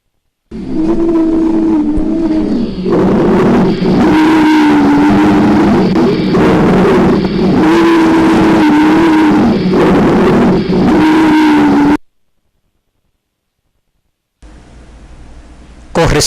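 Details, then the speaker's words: Loud, high-pitched musical whistling that rises and falls with each breath, heard in both respiratory phases; wheezes (sibilant rhonchi) from narrowed airways, demonstrated in a respiratory examination lecture. "el señor diagnóstico de este signo lo constituye por excelencia el asma bronquial donde se combinan todos los elementos fisiopatológicos"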